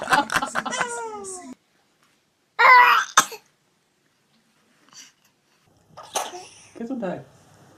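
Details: A baby's sharp sneeze between bursts of baby vocalizing and adults saying "bless you"; an ordinary baby sneeze.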